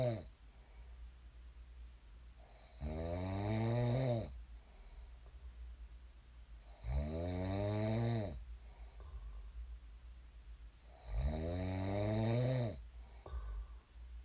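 Three loud snores with a rising, groaning pitch on each breath in, about every four seconds (around 14 a minute), with quiet room hum.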